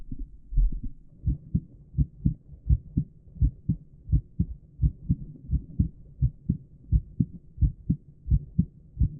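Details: Adult male heart auscultated at the heart valve areas through a stethoscope with a microphone in the earpieces: steady regular lub-dub, normal heart sounds with no extra sounds between beats.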